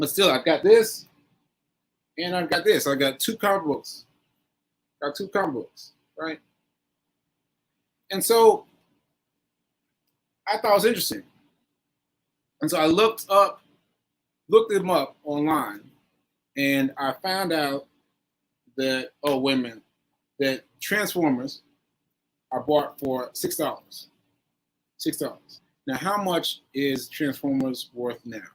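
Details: Aphasia in a male stroke survivor, nearly a year after a stroke on 7/14/22 (recorded 7/4/23); he is still recovering and says his aphasia made adding up numbers difficult.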